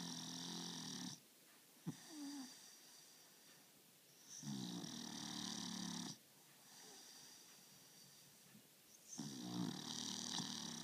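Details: Snoring: three rattling, buzzy snores on breathing in, separated by quiet exhalations, about 15 breaths a minute in a quiet room.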